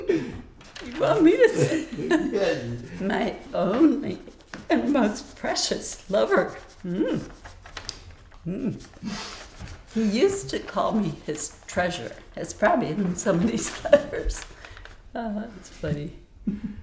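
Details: Adult woman speaking, with a brief exchange with another voice; typical speech.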